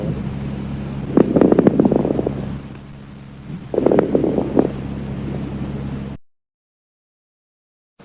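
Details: Crackles (rales) on lung auscultation: two breaths, each carrying bursts of fine, brief popping sounds over a steady low hum.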